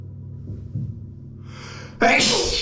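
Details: Adult sneezing in the morning, triggered by shaving foam: quiet room hum, sharp breathy intake, then one sudden loud explosive sneeze.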